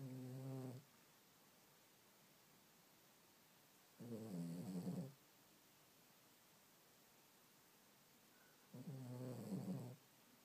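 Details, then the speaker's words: Snoring during sleep: three slow, low, rumbling snores about four seconds apart, roughly 13 a minute, in a quiet room. "Peanut is snoring."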